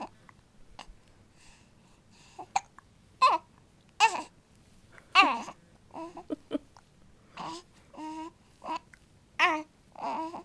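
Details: Young child with hiccups while babbling: short, sharp catches mixed with soft vocal sounds, irregular, about thirty a minute.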